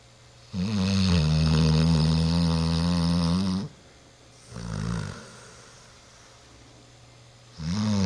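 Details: Nine-month-old dog snoring like an old dog: a loud, deep, rumbling snore lasting about three seconds, then a shorter, softer one and a pause.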